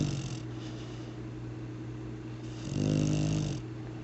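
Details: Lab mix dog asleep, recorded March 20, 2007: low, buzzing snore rising and falling with breathing over steady background hum; snoring.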